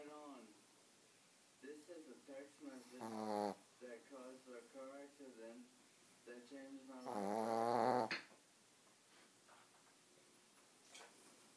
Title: THIS GUY SNORES WORSE THAN I DO!!!